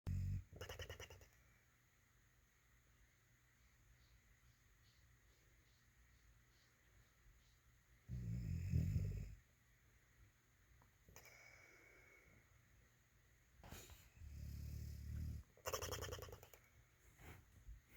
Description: Moose has a way of snoring. It's hilarious!